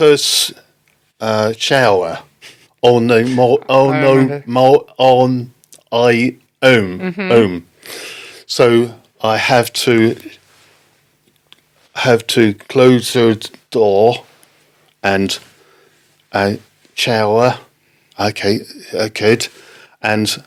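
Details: Adult man left with aphasia after a stroke in October 2019, recounting an experience with halting, non-fluent speech: non-fluent aphasia.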